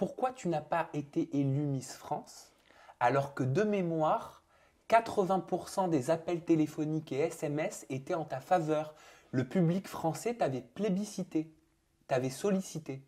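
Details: Adult speaker, French; ordinary speech.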